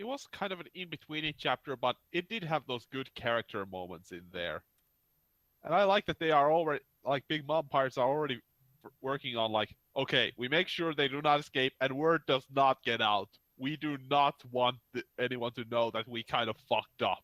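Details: Adult male speaker; ordinary speech.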